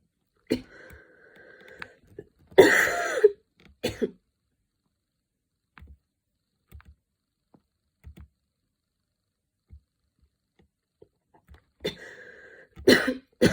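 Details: Student studying for an exam on a Saturday afternoon, standing and changing positions as the cough attack worsened from minor to intense; several harsh coughs and throat clearing in short bouts separated by quiet stretches; coughing fit.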